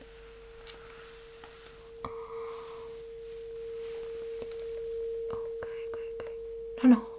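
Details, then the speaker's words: Tuning fork placed behind the ear in a simulated ASMR cranial nerve hearing test roleplay; steady pure ringing tone with soft taps and rustles until the listener stops hearing it; tuning fork tone. "Okay, I will place this turning fork right behind your ear and I will it's going to produce the very peculiar sounds and some vibration maybe even so you will let me know when you stop hearing that sound."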